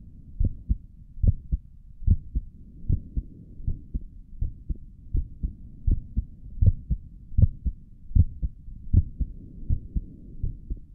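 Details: Heartbeat heard through a stethoscope on the chest for an ASMR recording: steady lub-dub at about 75 beats a minute with a soft rustle underneath; normal heartbeat.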